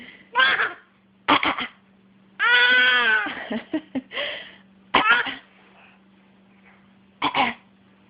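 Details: Infant making short, voluntary-sounding coughs in brief bursts plus a drawn-out vocal squeal over a steady background hum, playful coughing used to communicate; cough.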